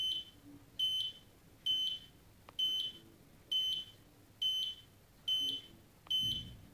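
Steady high-pitched monitor beeps at about 67 a minute, tracking a regular heart rate in the normal range.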